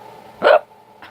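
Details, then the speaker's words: A single sharp, voiced hiccup with a fainter second sound just after, from someone with bad hiccups, the first all year, thought to come from drinking soup broth too fast. "my hiccups are bad yeah yeah yeah first time I've had them all year this is a rare moment"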